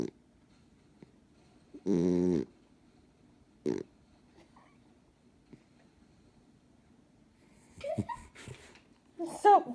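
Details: Sleeping dog giving two short, low, rumbling snorts likened to an old man's snoring, then brief voices in a quiet room; snoring.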